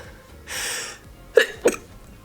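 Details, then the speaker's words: A woman filming a makeup tutorial gives a soft breathy intake followed by two quick, quiet bursts, a small sneeze that people tell her sounds wimpy: sneeze. "i'm so glad i caught that on camera because people always tell me that i sneezed like wimpy and i'll be able to finally hear what it sounds like"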